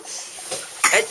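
A single short, sharp burst of breath from an infant, a small sneeze, against quiet room noise.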